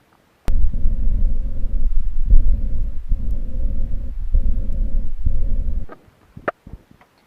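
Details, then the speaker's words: Heart patient on hypertension tablets for 10 years, diabetes medicines for 20 years and recently insulin: lub-dub heart sounds with repeated low, rough rumbling and grinding, an abnormal heart sound with a rubbing noise. "वो जो heart sound था उसमें भी था लब dub लब dub लब dub, लेकिन साथ में एक घिसने की आवाज़, एक रगड़ने की आवाज़।"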